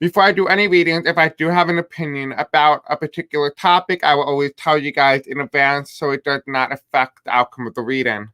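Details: Male speaker with self-described deaf accent, who says he may have a hard time pronouncing certain words; deaf speech.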